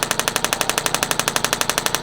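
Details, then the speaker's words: Radial shockwave therapy device firing rapid, regular loud tapping pulses, about twelve a second, with gel applied, bilaterally over the top of the shoulder muscle for shoulder pain; acoustic sound waves delivered as treatment. "now what we're doing is we're coming in and using Acoustic sound waves"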